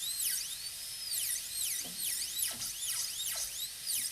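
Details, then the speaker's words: High-pitched dental drill whine rising and dipping as it cuts between facial depth grooves at the gingival level, during a PFM crown preparation on a maxillary canine of a typodont. "Now we're going to start connecting together. So you can take this angle and start cutting in between."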